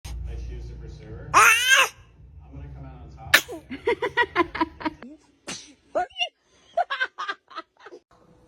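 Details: Babies sneezing repeatedly, tiny sneezes, with an adult saying "bless you" afterward; described as adorable, funny sneezing.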